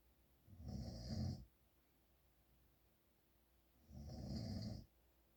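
Two loud, rough snores on breathing in, about three seconds apart, with a quiet room between them. Snoring during sleep.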